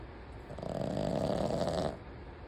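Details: A mostly quiet sleeper, female, snoring: a single low, buzzing rattle on one breath lasting over a second.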